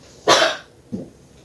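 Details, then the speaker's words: One forceful cough burst then a softer short voiced sound: a simulated quadriplegic-style assisted cough (inhale, hold, cough) demonstrated during a pulmonary rehabilitation return demo of cough maneuvers. "so the last part of the patrick buff is the shoulder okay so all you have to do is just like the basic um quadriplegic cuff is inhale hold it and then cuff okay so inhale hold it and then"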